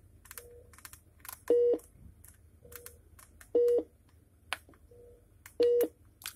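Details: Philips IntelliVue MP20 multiparameter bedside patient monitor: regular short beeps about every two seconds with softer tones between, plus faint clicks of button presses while its menus are demonstrated.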